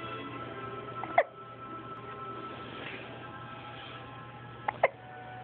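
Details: Baby boy with hiccups: three brief, sharp hiccups, two close together, over steady background music; hiccups then stop.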